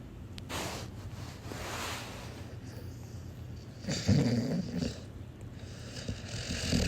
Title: Do your dog snores?!!